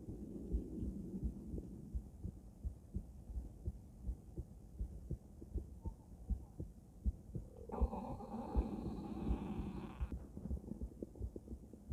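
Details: Adult female heart auscultated with various stethoscopes at Erb's point, mitral, tricuspid, aortic and pulmonic areas: steady, regular heartbeat about 80 a minute, normal heart sounds.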